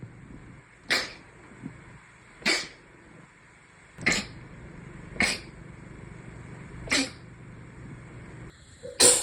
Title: sneeze 91-100